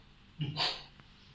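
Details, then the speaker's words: Vocal imitation of an aortic stenosis murmur as heard over the first and second aortic areas: a short thud, then a harsh hissing swell that rises and fades. "انقل السماعه على الفيرست والسكند اورتيك اريا، بدور اورتيك ستينوزس"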